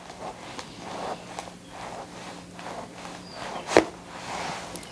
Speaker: And that's the pop or the click right there. And what that does, is once we restore that range of motion that joint, you've got that cavitation, the release of that gas bubble, and that was the pop or the click.